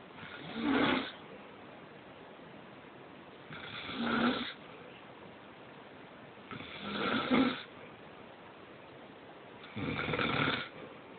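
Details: Sleeping adult father snoring: regular rattling snores, four breaths at roughly 19 a minute.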